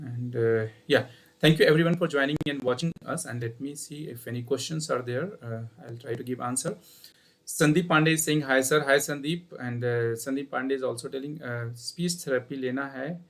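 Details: Adult male speaker; normal speech.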